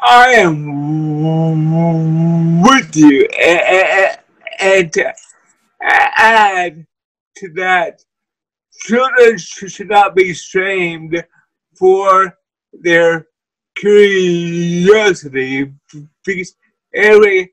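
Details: Person with cerebral palsy who uses a wheelchair, speaking as a guest on a show about living with cerebral palsy; dysarthria (cerebral palsy).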